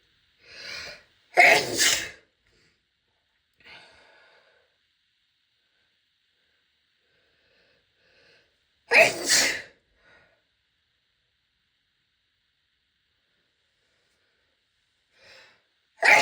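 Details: Two loud, explosive sneezes, each preceded by a short in-breath, separated by quiet pauses, described as very big sneezes: sneezing.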